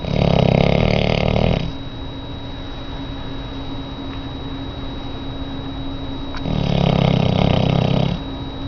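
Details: Very large auburn Labrador dog in rescue, asleep and snoring: two long, loud, rumbling snores about six seconds apart over steady background hum.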